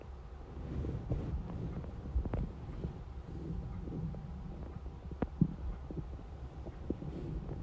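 Low, soft gurgling rumbles with a few brief pops and squelches over steady low background noise: normal hunger stomach rumbling (borborygmi).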